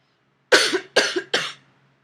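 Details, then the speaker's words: Pregnant adult with POTS, recently ill and finishing antibiotics, with a lingering cough while setting up a Holter heart monitor: three short, sharp coughs in quick succession in a quiet room. "my cough my heart rate tends to go really really high so we'll see how that goes"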